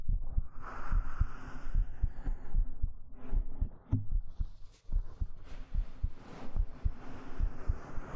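Soft, steady low thumps at about 73 a minute under fabric rustling; an ordinary heartbeat heard up close.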